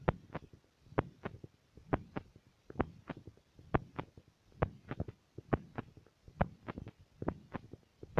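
Regular paired lub-dub heart sounds through a stethoscope, roughly 65 to 70 beats a minute, with faint background hum.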